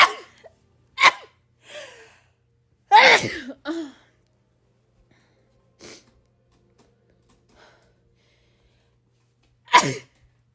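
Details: Rapid sneezing from a compilation: about six quick, sharp sneezes in ten seconds, with short breaths and pauses between. The sneezer says the sneezes really hurt and she hates sneezing right now.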